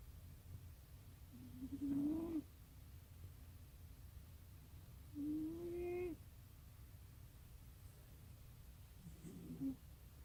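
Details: Cat snoring that sounded mechanical at first.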